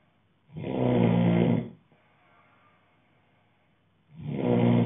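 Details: Ordinary heavy snoring: a loud, low rattling snore on the in-breath lasting about a second, a quiet pause, then the next snore begins.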